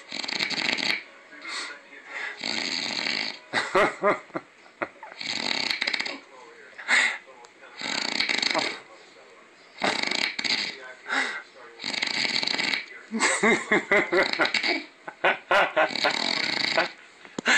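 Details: Sleeping man snoring heavily before being woken by a prank: loud, rough, rattling snores at short, irregular intervals, with brief snorting bursts between them; heavy snoring.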